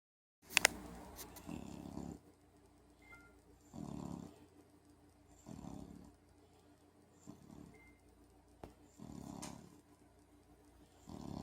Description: While watching a movie on netflixs my mother and i heard one of the puppies snoring. We thought it was very cute so enjoy!